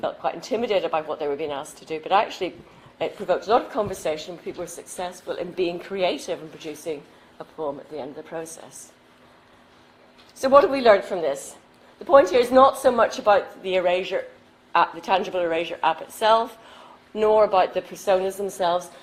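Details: Adult woman; normal speech.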